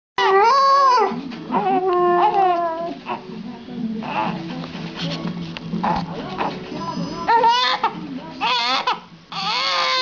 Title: Clip Cún Yêu - Dog sings while the baby cries